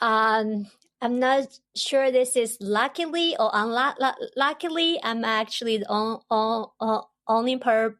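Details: Adult woman, a doctoral student and language teacher who grew up in China, has stuttered since about age 7 or 8, unsupported; stutters in her Chinese dialect, Mandarin and English; stuttering.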